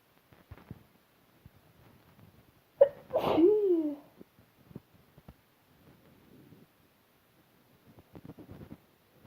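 A single sneeze: a quick indrawn breath, then an explosive burst, with faint rustling before and after.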